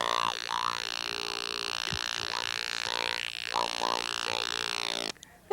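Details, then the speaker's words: Electrolarynx held to the throat in a live TV demonstration. A steady mechanical buzz at one fixed pitch is shaped into speech-like syllables, then cuts off abruptly: electrolarynx speech. "here we have an electric larynx an electrolarynx and if you'll put this up to your oh this is for people don't have vocal cords that's right it's just a random sound you know"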